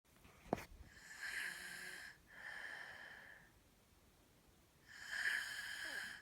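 Rasping, whistly breath noises, two close together and a third after a pause; noisy breathing during sleep, fitting snoring.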